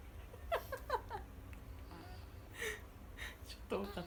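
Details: Baby sneezing: four quick small sneezes, some with a brief squeaky voiced quality, then a final big sneeze, in a quiet room.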